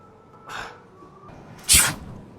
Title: Fake sneezing 🤧 prank water spray 😂🤣🤣